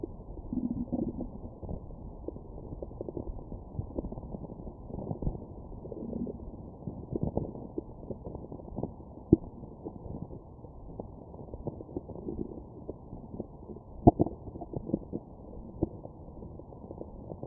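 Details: Abdominal bowel sounds recorded with a Stemoscope after eating McDonald's: irregular gurgles and low rumbling bursts of ordinary digestion; stomach growling.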